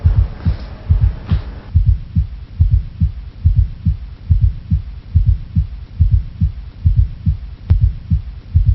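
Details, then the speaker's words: Asymptomatic man on antihypertensive medication with long-standing hypertension: steady low heartbeat near 70 a minute with a soft extra sound just before the first sound; S4 gallop. "well this extra heart sound is from long-standing hypertension that is caused by well you don't have to give extra therapy because you need to treat the hypertension anyway it's an s4 gallop"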